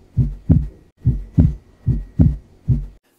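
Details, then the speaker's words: Normal first and second heart sounds, a regular lub-dub at about 70 beats a minute. S1 is closure of the tricuspid and mitral valves, with M1 louder than T1. "first heart sound is produced by the closure of tricuspid and the mitral valve the closure of tricuspid is called as t1 whereas closure of mitral valve is called as m1"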